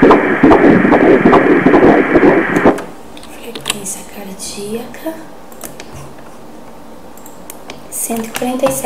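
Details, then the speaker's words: Normal fetal heartbeat on Doppler ultrasound at 12 weeks 3 days' pregnancy: fast, regular whooshing pulses at about 147 beats per minute. "Ali piscando, a gente vê o coraçãozinho. Tá vendo ali? Vamos ouvir."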